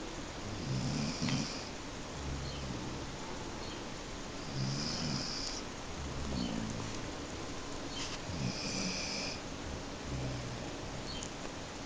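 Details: A sleeping individual snoring, with low rumbling snores about 16 a minute, each with a soft hiss, over steady background noise; snoring.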